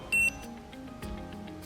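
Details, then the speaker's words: Rigid digital thermometer used orally under the tongue: a single short, clear high-pitched beep as it switches on at the start, before a second beep once temperature is recorded; soft background music. "y después de haber registrado la temperatura se vuelve a escuchar nuevamente otro pitido"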